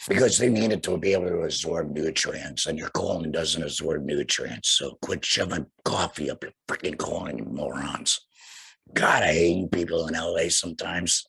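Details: Tracheoesophageal speech through a voice prosthesis in a man after total laryngectomy for cancer.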